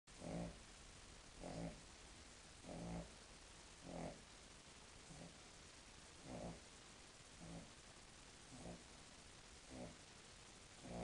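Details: Regular grunting snores, about 50 a minute, each a short rumbling snort on the breath, from Amber, a King Charles Spaniel; owner says this snoring is quiet for her.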